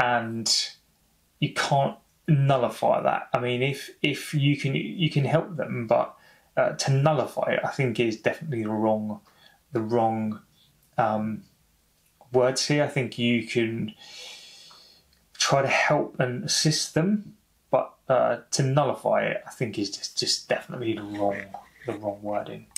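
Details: Adult man who has stammered for over 30 years, speaking spontaneously: stuttering.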